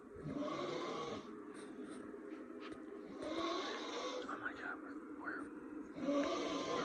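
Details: Snoring heard in a dark bedroom, described as sounding like sawing: rough, rattling snores in slow cycles, about one every few seconds, with faint room noise.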